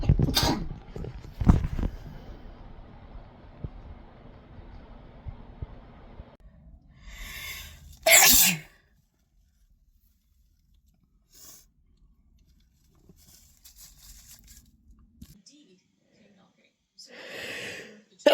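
Several separate sneezes, some loud and explosive, with quiet gaps and faint room noise between; sneezes during illness.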